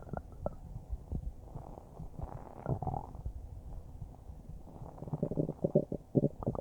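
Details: Normal bowel sounds recorded about a minute after eating a huge bowl of spaghetti: irregular low gurgles and churning stomach rumbles, with a cluster of louder bubbly gurgles near the end.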